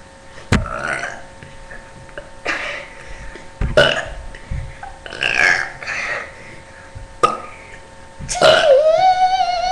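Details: A series of about six loud burps, each a short rough belch, the last one longer and voiced, with faint background noise; burping.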